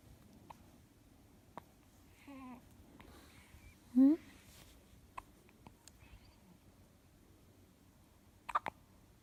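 Two brief, abrupt voiced hiccup sounds a couple of seconds apart, with faint clicks and quiet room noise; hiccups.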